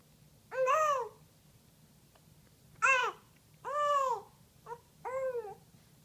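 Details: Infant babbling, with hiccups: five short voiced vocal bursts with rising and falling pitch; infant babbling.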